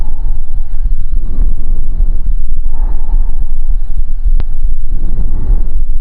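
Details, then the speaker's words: Bronchial breathing heard by stethoscope over the right middle lung field in pneumonia with consolidation on imaging: harsh, hollow, tube-like breath sounds with a clear pause between breaths. "esse aqui é um exemplo de uma condição que pode cursar com sopro brônquico nós temos um indivíduo que no campo médio do pulmão direito tem uma imagem de opacidade correspondente a uma pneumonia uma condensação se nós colocarmos o estetoscópio aqui nessa região nós vamos ouvir um som que é da seguinte natureza"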